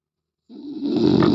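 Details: Snoring in a man: a loud, rough, rattling inhaled sound that builds in strength, typical of heavy snoring.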